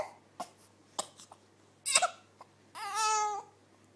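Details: Infant hiccups: short sharp hiccup-like bursts at irregular intervals, then a brief fretful cry from the agitated baby.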